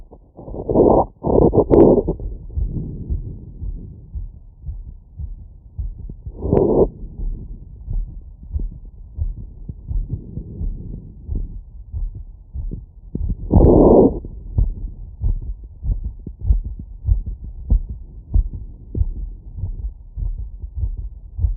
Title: Heartbeat auscultation stethoscope heart sounds - 20-1000 After workload